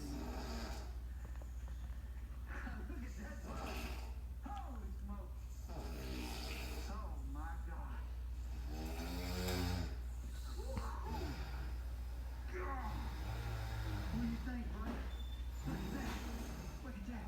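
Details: Dad asleep: low, rumbling snoring over a steady background hum. Snoring.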